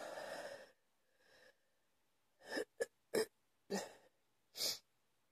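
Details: Night-time coughing bout at about 2 AM after waking: roughly five short, harsh cough bursts with quiet gaps, following a faint breath; cough.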